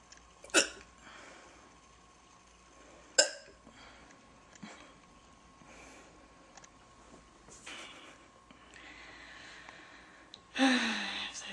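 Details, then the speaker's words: Girl with hiccups in an older recording: sharp, abrupt hiccup sounds at irregular intervals, a few over about ten seconds, with quiet room noise between; she finds them annoying, is waiting for them to end, and feels breath-holding makes them worse. "Waiting for them to be over. Because I can't do anything else until they're over. It's annoying."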